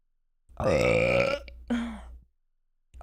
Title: Nervously Burps On Stream